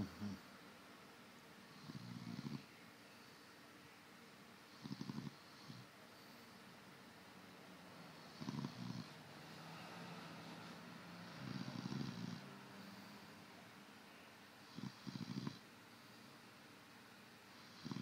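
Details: Snoring self-recorded to check whether the person snores: low rumbling snores recurring in short bursts every few seconds over steady room noise.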